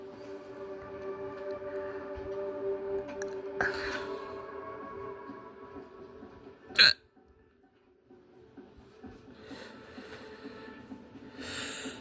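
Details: A violent hiccup: a single sharp, abrupt hiccup sound with quiet background music and room noise.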